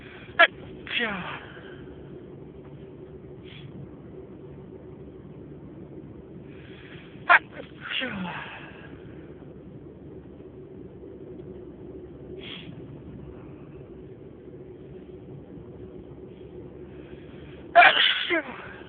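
Three sharp sneezes, each a sudden burst followed by a short breathy tail, separated by quiet pauses.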